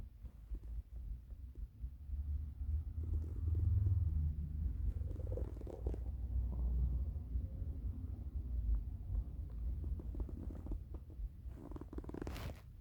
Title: Hungry stomach rumbles